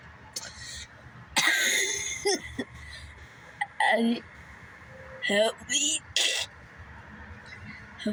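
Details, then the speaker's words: A child who can't stop coughing has a repeated coughing fit of about five or six harsh, partly voiced cough bursts with short gaps between them. "Help I keep coughing over and over again. I can't even watch YouTube on my phone because every time I start coughing, I sound like this."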